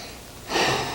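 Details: Child taking a deep breath in and out on request during a doctor's stethoscope check-up: a single smooth breath with no wheeze or crackle; lungs sound great, normal breathing.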